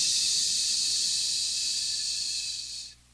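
A single steady, airy blow of breath lasting nearly three seconds before fading out, an imitation of the prolonged expiration of asthma.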